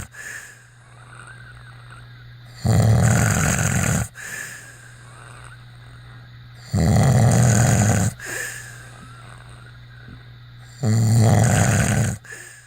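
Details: Three loud, rough, low snores about four seconds apart, roughly 15 a minute, with softer out-breaths between; snoring.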